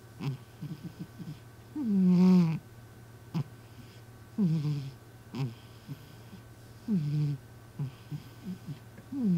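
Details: A sleeping former stray, now a rescue cat, snores with a regular, rattly, slightly whistling snore on each breath, about 25 a minute, over a faint steady hum.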